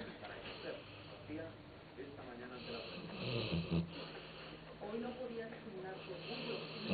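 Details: Soft, nasal snoring from a sleeping female dog, partly covered by people talking in Spanish in the room; dog snoring.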